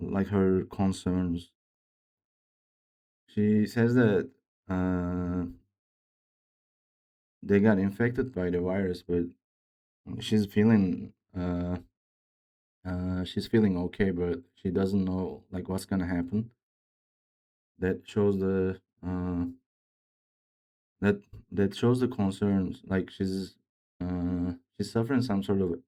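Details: Man who reports his own speech disorder, type not named, and says it is much worse than a game character's; real speech; speech disorder (unspecified).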